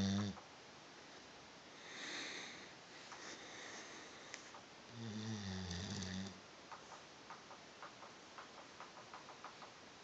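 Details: Sleeping Labrador: very loud, rough, rattling snores on long breaths, with quieter breaths between; snoring.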